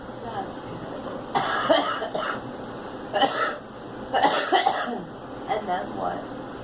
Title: Girl coughing